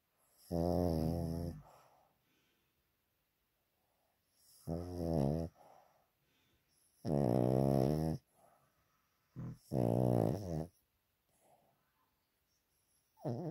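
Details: Sleeping pet dog's heavy snoring: loud, rattling, buzzing inward breaths about every three seconds with quiet breathing between; owner wonders whether he is breathing properly and may have a vet check him.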